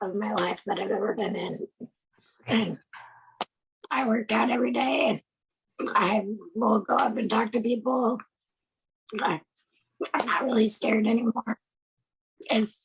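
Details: Woman with no vocal cords after total laryngectomy, using self-taught esophageal speech learned after nine months without talking; esophageal speech after total laryngectomy.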